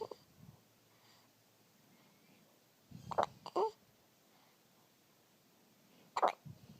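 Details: Baby with hiccups: three short, abrupt catch-like sounds, spaced irregularly in a quiet room; infant hiccups.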